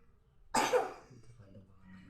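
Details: A single short cough from a young child with a headache and a cough, recorded in a quiet room during a child massage; cough.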